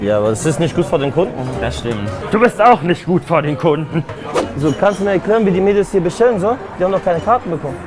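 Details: Adult speaker, German, with background music; ordinary speech.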